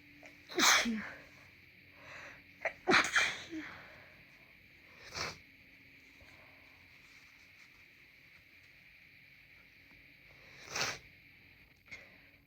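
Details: Congested sneezing: several sharp, explosive sneezes with wet, blocked-nose sounds and snuffly breaths between, plus nose blows; traffic noise in the background.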